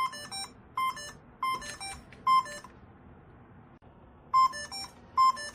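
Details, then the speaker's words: Repeating electronic beep pattern from a DI 2200 two-line infusion pump sounding its air-in-line alarm, which signals air in the infusion set. "에어입니다. 인퓨전 세트에 에어가 생겨 있으면 알람이 울립니다."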